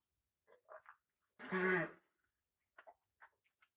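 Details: Dog with kennel cough: a few soft snorts, then one loud, harsh, honking cough typical of kennel cough.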